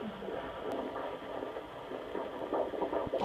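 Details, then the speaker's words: Week 17 IVF/ICSI pregnancy at a midwife visit, handheld Doppler on the belly: rapid, regular whooshing, galloping beats; normal fetal heart tones at 154 a minute. "that's the heartbeat 154 it's perfect"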